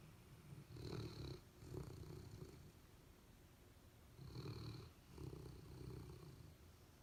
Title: Dog Snoring: Golden Retriever and Labrador